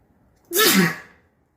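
A single sudden, forceful, hissing burst with a wet, nasal quality: one sneeze.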